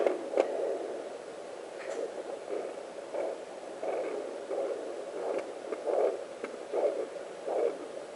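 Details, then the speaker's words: Placental blood-flow sound on a home fetal Doppler in pregnancy, heard as the probe moves across the abdomen between the baby and the mother's artery; it differs from the fetal heartbeat. "we go That's My Placenta keeps going back to the baby trying to stay away from him and now as I move it across you can hear different noises"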